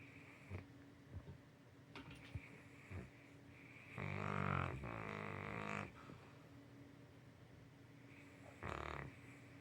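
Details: Tired St. Bernard puppy asleep; soft rhythmic sleep breathing with a loud two-second rumbling snore and a shorter one later, steady room hum. Snoring.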